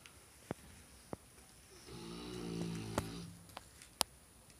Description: Um fila brasileiro roncando forte